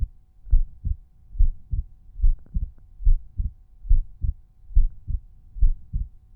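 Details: Resting heartbeat recorded at one of several chest auscultation points (Erb's point, tricuspid, mitral, pulmonary, aortic), volume normalized per point; normal heart sounds.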